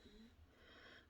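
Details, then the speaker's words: Pet dog snoring in the background while resting after a walk and a meal: quiet, rough, snorting breath noise of ordinary sleep snoring. "I apologize if you can hear Millie snoring in the background"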